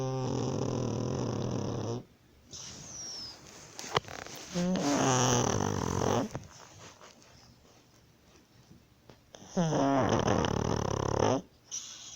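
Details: A sleeping dog snoring: deep, vibrating snores with snuffly, noisy breathing between the louder snores.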